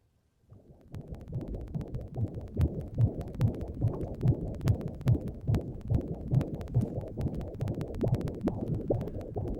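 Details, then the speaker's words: Rapid, regular whooshing fetal heartbeat at about 140 a minute, as heard on Doppler ultrasound. "i hear that baby's heartbeat in my headphones we're talking about stopping the beating heart of a baby or whatever you want to call it"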